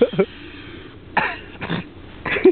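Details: Adult walking down from the Ring of Steall in Scotland gives several short, harsh coughing bursts mixed with throat clearing, separated by brief quiet gaps; dry cough, described as a wheeze.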